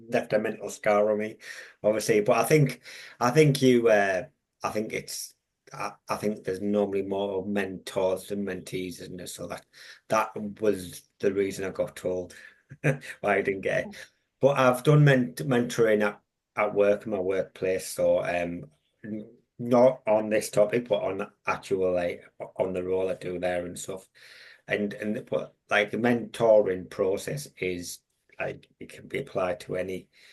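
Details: Adult man with a long-standing stammer, a mentor for young people who stammer; had speech therapy around age 11–12 and again in 2018; stammering (stuttering).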